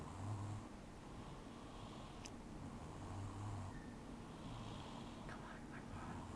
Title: Baby Snoring!!